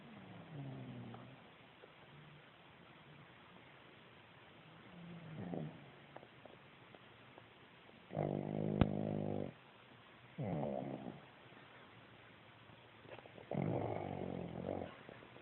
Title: Pug snoring...